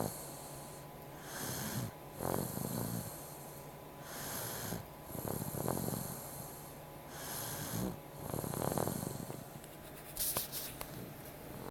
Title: Meo is sleeping and snoring